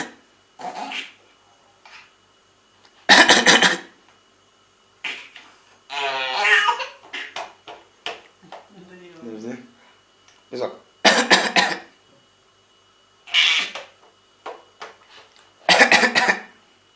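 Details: About six short, harsh coughs scattered among voiced sounds and breaths in a small room.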